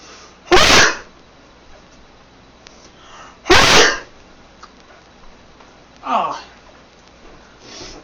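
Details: Dog sneezing: two sharp, explosive sneezes about three seconds apart, then a softer snorting sneeze and a faint sniff, in a quiet room.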